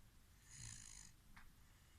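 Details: Snoring: one soft, rattling snore on the in-breath from a sleeping child, with a faint hiss and quiet room noise.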